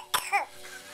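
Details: A single short, sharp burst of air with a brief voiced tail; an infant sneezing into his food while being fed blueberry pear oat puree.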